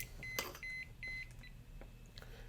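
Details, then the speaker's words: Alaris Medsystem III IV infusion pump in a training demo: repeated high beeps of the patient-side occluded alarm, often from patient movement such as a bent arm; here the cause was the roller clamp. "rm is the patient side occluded which means somewhere between the pump and the patient some sort of an occlusion has happened in the line it can frequently be patient movement maybe they bent their arm or maybe something else happened"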